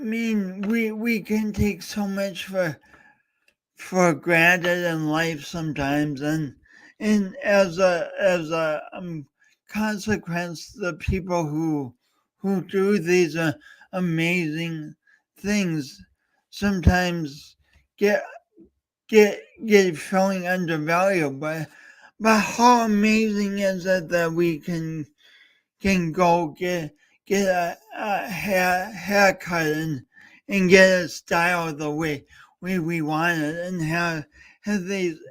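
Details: Adult male host with a speech impediment talking live during a three-hour talk-a-thon, with frequent word repetitions. Finding: stuttering (disfluent speech with word repetitions).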